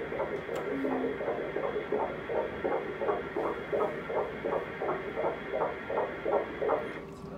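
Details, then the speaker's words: Normal fetal heartbeat on early pregnancy ultrasound, fetus with arms, legs and yolk sac visible; fast, regular whooshing beats described as nice and fast, nice and regular. "Now you can see the heartbeat. Yeah. Good. And then let's listen to it. Good. Wow. So what you want it is nice and fast, nice and regular."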